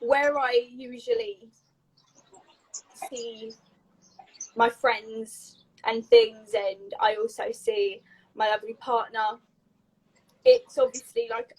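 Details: Adult woman with a stammer since age three, a neurological speech impediment involving blocks; she rearranges words to get them out and says lockdown made it harder; stammering (stuttering) with blocks.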